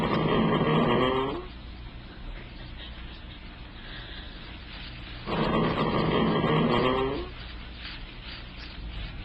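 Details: Horse asleep in a stable stall at night snoring like a human: two loud, rough, rumbling snores about four seconds apart, rising at the end, over low steady background hum.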